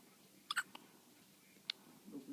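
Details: Small, sharp hiccups from a baby in a quiet room: a quick pair, then a single one; hiccups.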